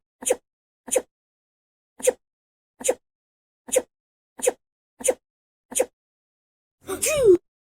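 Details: Eight short, nearly identical sneezes at a steady rhythm, then a longer voiced sound; the repeats seem edited together.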